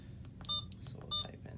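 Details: Short electronic beeps over a low room hum as keys are pressed to program an Alaris IV infusion pump for primary continuous tubing, rate 125 mL/h, 250 mL volume to be infused; infusion pump keypad beeps.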